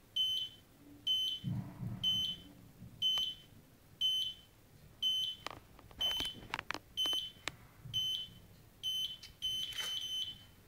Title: Cardiac monitor EKG